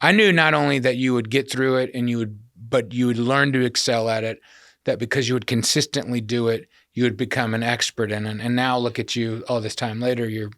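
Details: Adult man speaking; typical speech.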